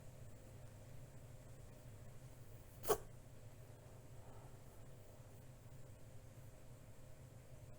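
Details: Rabbit sneezing while cleaning itself: a single brief, sharp puff over quiet room hum; one small sneeze.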